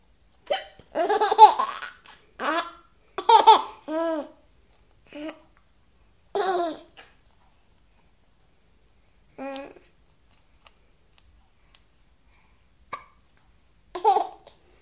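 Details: 7-month-old infant with hiccups, finding them funny: bursts of laughter alternate with a few short, sharp hiccup catches of breath.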